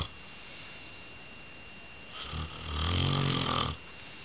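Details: A single rough, rattling snore of about a second and a half over quiet room hiss, from a sleeping father; ordinary snoring.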